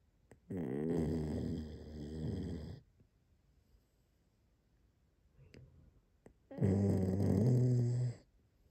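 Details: Sleeping dog snoring: two long, loud, rattling snores with a quiet pause between breaths; snoring.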